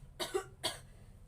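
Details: Nursing role-play teaching effective coughing to a child with frequent coughs and colds: after three deep breaths exhaled through the mouth, two short, deliberate demonstration coughs to bring up phlegm.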